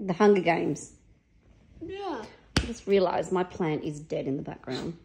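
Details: Adult speaker; Normal speech.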